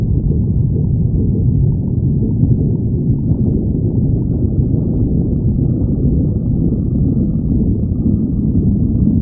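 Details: Continuous deep rumbling and gurgling from a badger's growling stomach, with no clear pauses; stomach growling.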